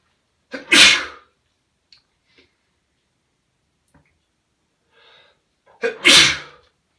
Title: 4 Sneezes With Noseblow (M)